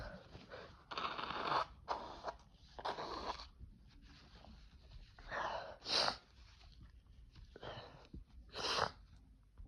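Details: Several strong sneezes from a congested male, induced with toilet paper, with breathy build-ups and sniffs between them in a quiet room; ordinary sneezing.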